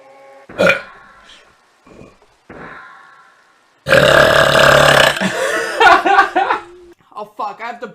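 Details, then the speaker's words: Female streamers burping: a few short burps, then one long, loud, rumbling burp lasting over a second, followed by brief talk and laughter; they mention a pixie stick and chugging. "oh my gosh that was a good that was a nice burp nice bird that was a small one that was pretty good yeah"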